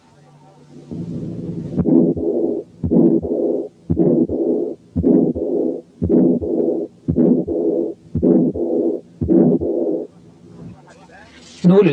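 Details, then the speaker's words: Quiz case 10, heard at the second aortic area with the diaphragm: regular heartbeat near 57/min, a harsh ejection systolic murmur then a softer early diastolic murmur, from combined aortic stenosis and aortic incompetence. "و10 كانت حالة combined aortic stenosis وaortic incompetence فيها ejection systolic murmur و early diastolic murmur."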